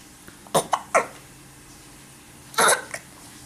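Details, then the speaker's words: An infant during tummy time makes brief, abrupt catching sounds in small clusters over quiet room noise; infant hiccups. "Fighting gravity and hiccups. It's a tough battle."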